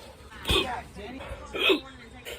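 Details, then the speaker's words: Two sharp, abrupt voiced hiccups about a second apart with faint breathing between, triggered by eating very spicy Carolina Reaper/capsaicin seasoning, which also causes coughing; rapid hiccups. "some fast hiccups [Applause] i'm crying got a little hiccup there"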